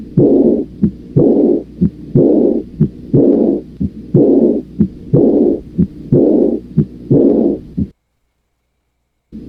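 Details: Aortic regurgitation murmur (early diastolic decrescendo).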